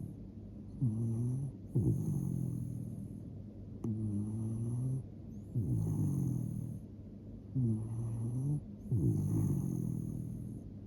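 Regular snoring, roughly one breath every two to three seconds, with rattling tones on each inhale and whistly exhales; ordinary snoring.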